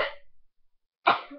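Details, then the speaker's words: A sudden explosive sneeze from an adult, ending in a brief odd voiced sound, after a faint earlier burst. "I don't know why I even did that sound at the end of that sneeze but yeah"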